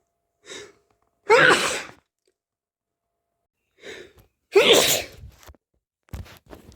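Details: Two sneezes, each a soft inward catch then a loud explosive burst, with faint sniffs after; allergic sneezing attributed to hay fever.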